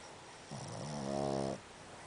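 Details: A Boston Terrier dog snoring loudly during sleep, loud enough to keep the owner awake; snoring.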